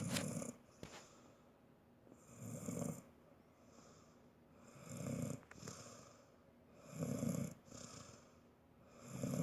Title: He's old and snore even worse